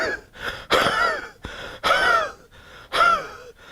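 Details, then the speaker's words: Imitated wheezy cough demonstrated for homeopathic remedy differentiation, wheeze said to be relieved by expectoration: three harsh, whistling cough bursts with wheezy breaths between them. "in idiotic tone you have a very wheezy type of a cuff so"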